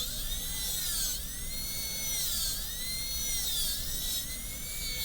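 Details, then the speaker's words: High-speed dental handpiece with 330 bur extending the proximal box facially at the same pulpal floor level in a tooth 19 MO composite preparation: high-pitched whine, pitch dipping and rising as the bur cuts. "and right up against the adjacent tooth in the middle of the contact facial lingually. Then we'll go out facially a little bit at a time"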